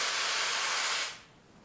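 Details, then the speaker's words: Steady loud hiss of escaping gas lasting about a second, then quiet, deliberately simulated by a paramedic to show how a leaking oxygen regulator on an oxygen tank sounds; oxygen regulator leak hiss. "now we're gonna turn it on and check for leaks and we don't hear anything so there's no leaks if it was leaking you'd hear something like this"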